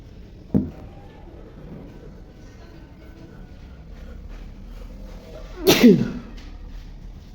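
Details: A brief sharp burst, then a loud explosive sneeze against quiet room noise; morning sneezing, which the person attributes to allergy.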